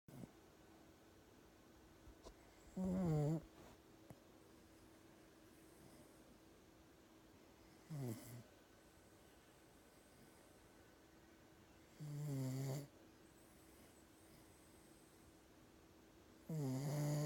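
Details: A sleeping dog snores loudly: four low, rattling snores with long quiet gaps between them, over a steady, faint room hum; snoring.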